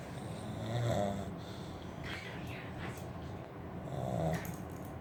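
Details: A pug snoring: two long, rough, snorting snores about three seconds apart with soft noisy breathing between.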